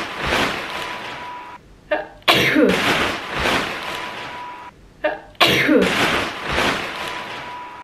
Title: Sneezing on your 🩸